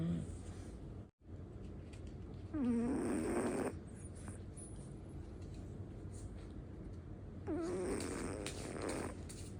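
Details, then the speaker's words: Sleeping dog snoring very loudly; two long, loud rattling snores with a fluttering nasal tone over steady room noise. "มาดูหมานอนกรนนะคะทุกคนกรนดังมาก"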